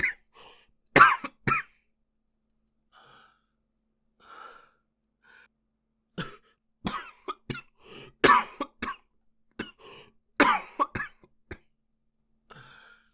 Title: japanese boy coughing 1